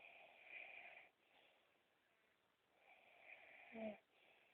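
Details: Woman snoring during sleep, loud enough to disturb her partner; two hissing, whistling breaths, the second ending in a brief snort; light snoring.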